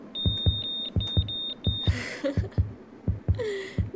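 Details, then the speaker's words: Fetal heartbeat on ultrasound, volume turned up, in a feature film about a pregnancy where the unborn child will likely have birth defects: regular low whooshing thumps about 85 a minute under a steady monitor beep and music. "صدای قلبشه یه ذره بلندش می‌کنی بله"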